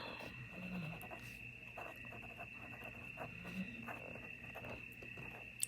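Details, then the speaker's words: A dog sleeping nearby late at night while its owner talks gives quiet, low snuffling snores, about two breaths, over a steady electrical whine and room noise; snoring. "he snores loud as when he hears me talking because he knows if I'm talking I'm not going anywhere and then he can just totally relax"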